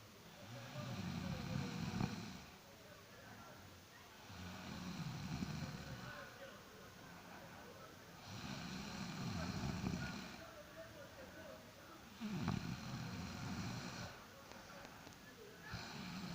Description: I am tired. I am snoring.